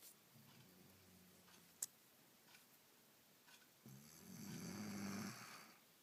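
Soft snuffling breaths, then one louder drawn-out snore on the in-breath; light snoring in a quiet room.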